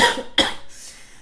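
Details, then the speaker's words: Cough from an adult woman who reports nearly three weeks of fatigue, coughing a lot, and a very hoarse voice from strained vocal cords. "je suis euh plutôt fatiguée je tousse beaucoup beaucoup j'ai la voix extrêmement hraillée parce que mes cordes vocales n peuvent plus"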